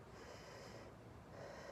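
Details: Normal vesicular breath sounds heard with a stethoscope over the right middle lung during a student's head-to-toe self-examination: soft, low rushing airflow of a breath, with no crackles or wheeze.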